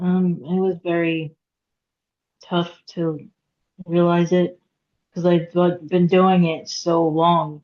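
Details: Aphasia in a woman after a hemorrhagic stroke at age 36 in September 2018; she could not talk for 2 years and now speaks after recovery.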